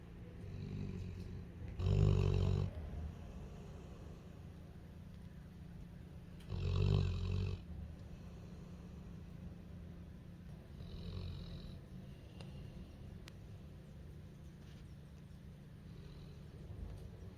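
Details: Female puppy snoring while asleep beside her human, with chill wind outside in the background: loud, low rattling snores every few seconds, with fainter breaths between; ordinary sleep snoring.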